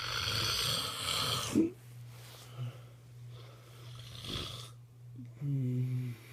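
Loud, rough, rattling snores on the breath in, with quieter breathing between and a steady low hum in the background.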